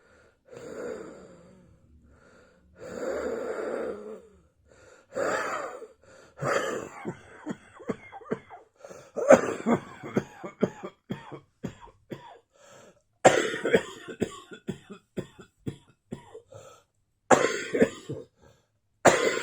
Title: Still Wheezing and Coughing Up a Storm.